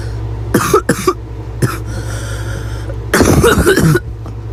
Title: Awful Gagging Barking Cough - Cute Girl with a Barking Cough #8